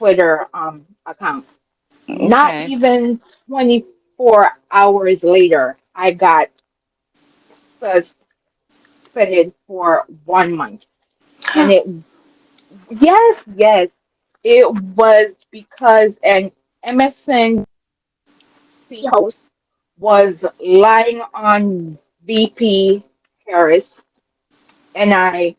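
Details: Adult woman with a self-reported, audible speech impediment she calls her "disability"; real speech: speech impediment.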